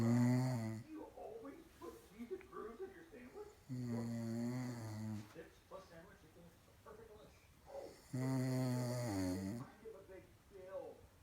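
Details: Mother snoring: loud, deep, rough snores recur roughly every four seconds, with softer breathing noise between them; ordinary heavy snoring.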